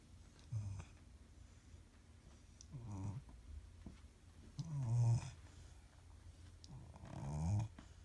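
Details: 16-week-old (4-month) Cane Corso mastiff puppy snoring: soft, low snorting snores roughly every two seconds in a quiet room.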